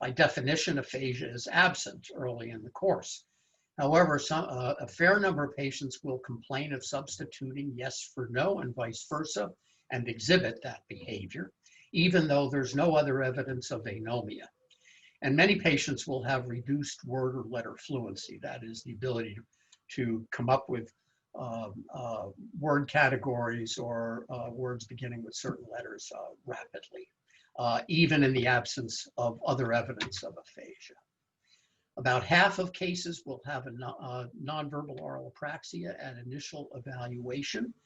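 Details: Adult male lecturer; typical speech.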